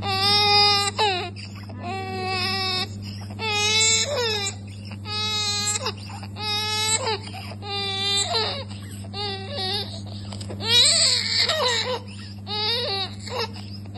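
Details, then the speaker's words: 3-month-old IVF-conceived infant with a large scalp hemangioma and moderate-to-severe respiratory distress: a subglottic hemangioma blocked 90% of the airway lumen. Harsh, high-pitched crowing breathing, biphasic stridor with inspiratory predominance. "lo que se escuchaba en este video Perdóname era básicamente un estridor bifásico con predominio inspiratorio sabemos que cuando estamos ante un estridor de estas características o sea bifásico estamos pensando en una patología que esté ocupando la subglotis"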